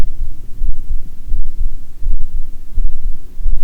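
Regular low heart thumps at about 86 beats a minute, with faint rumbling stomach gurgles underneath; a normal heartbeat.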